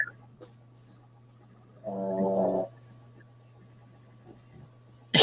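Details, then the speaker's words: Snoring from a sleeping Boston Terrier dog. "oh the dog is snoring I thought it was his wife she doesn't snore much"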